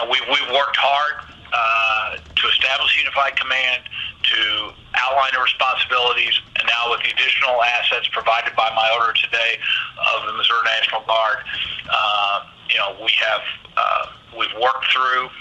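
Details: Adult male speaker; Normal fluent speech.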